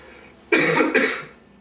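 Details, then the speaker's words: Simulated cough in a 30-second cough-covering PSA: two quick, harsh cough bursts from an adult, acted as someone still sick and coughing uncovered. "you should definitely cough into a tissue or into your elbow cuz it'll help fight germs and prevent the spread of diseases"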